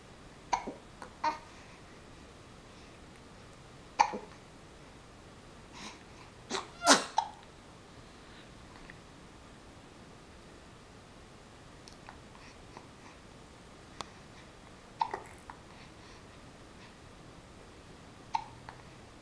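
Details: Hiccups in a 6-week-old baby boy: soft, brief catching sounds at irregular intervals, about 20 a minute, with one louder burst near the middle, likely a sneeze.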